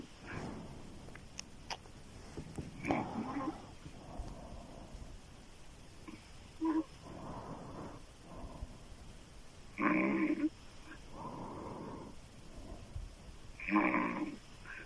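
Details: Adult woman snoring loudly through an open mouth during sleep: harsh snores on slow breaths, about four in fifteen seconds, with rough throat vibration.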